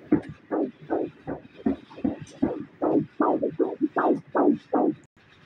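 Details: Rapid, regular whooshing pulses at about 155 per minute: fetal heartbeat heard during an ultrasound scan of a baby in breech position.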